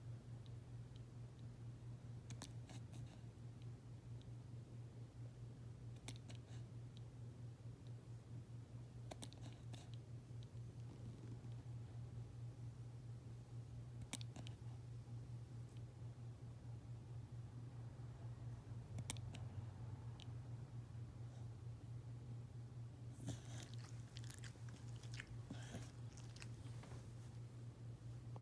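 Faint, sharp clicks every few seconds over a steady low hum: a dog's hiccups.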